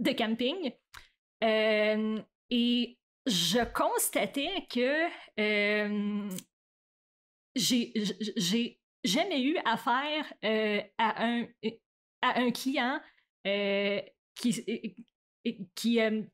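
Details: Adult woman who stutters, onset around age 7 or 8; stuttering.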